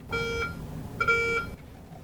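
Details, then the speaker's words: ORLocate RFID surgical counting and detection system: patient scanned with the locator wand for 2 tagged wound-packing sponges, two short electronic beeps signal the sponges were found; surgical sponge detector tones. "You will scan the patient with the locator wand to locate the 2 wound packing sponges. Audible tones from the locator wand"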